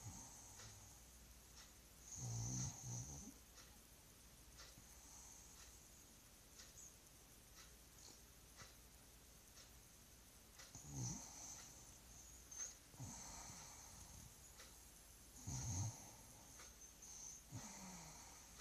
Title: Hear my sweetie snoring